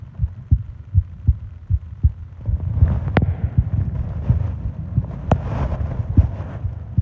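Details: Soft, low thumps at about 79 a minute, somewhat uneven, with breathing noise over them, recorded close up for a 20-minute ASMR heartbeat and breathing sleep recording; an ordinary heartbeat.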